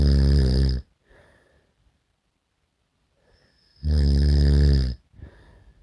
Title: SNORING SOUND EFFECT